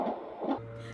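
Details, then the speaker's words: Normal fetal heartbeat on Doppler during home midwife prenatal visit, heard over the baby's back through the chest wall: two quick whooshing beats, roughly 150 a minute, then a steady hum. "well when you identify where the back is you can hear the heartbeat transmitted through the chest the chest wall you can hear it really well"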